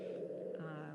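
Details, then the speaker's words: Infant with lower (intrathoracic) airway narrowing, e.g. a hypersensitivity reaction, with forced, prolonged expiration; wheezing and exhalation sounds continue almost until the next breath: expiratory wheeze. "there may still be sounds of wheezing and exhalation almost up until the time the baby takes another breath"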